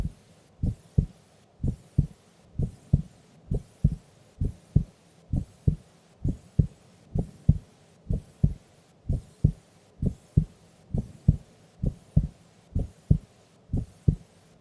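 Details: Female asleep during an afternoon nap: steady, clean, regular lub-dub heartbeat at about 65 beats a minute; normal heart sounds.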